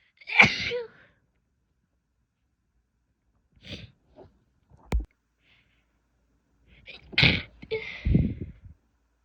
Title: sneezing, stifles, and a couple nose blows (f)